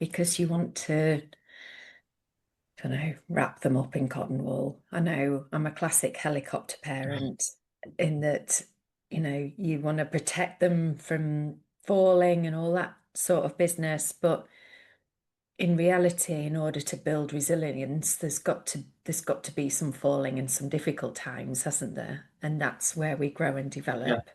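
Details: Adult woman speaking; normal speech.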